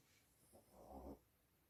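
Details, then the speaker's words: A settled, sleeping Chihuahua snoring in the background. "You can hear Maisie snoring away in the background now, she's settled."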